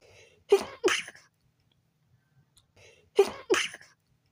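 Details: Two sneezes at night while trying to sleep, sensitive nose; each a sharp two-part burst with a quick breath in before it, a few seconds apart. Sneezing.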